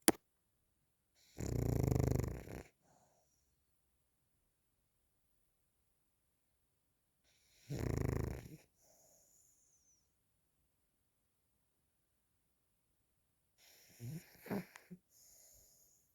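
Loud, low rattling snores about every six seconds, each followed by a soft whistling breath out; snoring during sleep.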